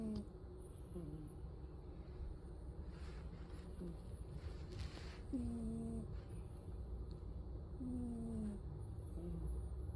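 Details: A cat snoring, not purring: a low repeated snore; cat snoring.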